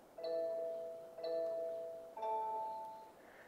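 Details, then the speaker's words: Three bright bell-like chimes about a second apart as a Tempus cardiac monitor pairs by Bluetooth with its separate defibrillator on a fire department ambulance unit; device sync chime. "you heard that little chime that is the monitor syncing up with the defibrillator the two of them communicate by bluetooth"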